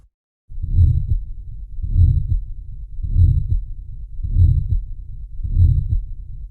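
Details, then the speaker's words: Aortic stenosis: heart sounds at about 50 a minute, with a crescendo-decrescendo systolic murmur between the first and second heart sounds that grows louder and then quieter. "so you'll hear the first heart sound and the second heart sound and then between those heart sounds you'll hear a systolic murmur that gets louder and then quieter"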